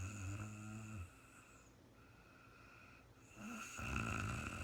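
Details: Real-time recording of a woman snoring during a night's sleep, no talking: soft, low, light snoring breath sounds over a steady background hum.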